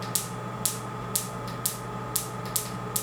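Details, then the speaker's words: Focused (not radial) extracorporeal shockwave therapy device fired in a clinic demonstration while its frequency (Hz) is adjusted: rapid sharp clicking pulses, about two per second, over a steady electrical hum. "한번 써볼까요? 헤르츠를 좀 낮추면 이렇게 천천히 나오기도 하고,"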